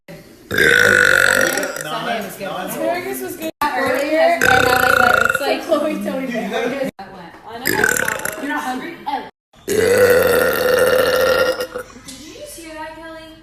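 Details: Girl burping: several long, loud, drawn-out voiced burps with short pauses between; deliberate burping.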